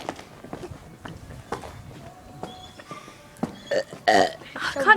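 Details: Deliberate burping of the alphabet: a series of loud, voluntary belches shaped like spoken letters, with voices in the background. Playful burping, not illness.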